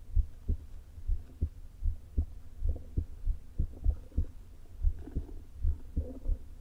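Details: Woman's heart recorded through a low-placed stethoscope shortly before open heart surgery: muffled, unevenly spaced beats of atrial fibrillation with a leaking heart valve (valve regurgitation), stomach rumbles also present.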